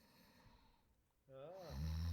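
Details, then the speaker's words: Adult asleep, snoring: after a quiet stretch, a rising nasal rumble and a deep low snore on breathing in. "A little snoring. That's you. Oh, there you go. Oh, yeah. That sounds like my old cellmate."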